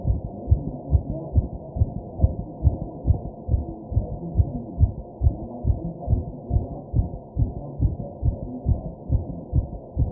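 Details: Rapid, regular low heart thumps at about 140 a minute over faint deep breathing and background noise, described as hard pounding and visible; fast heartbeat (tachycardia).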